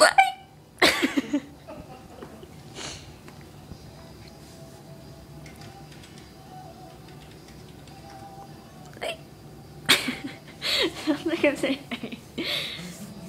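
Sharp, abrupt bursts at irregular intervals over faint room noise. The pattern fits hiccups, the involuntary catches of breath from spasms of the diaphragm.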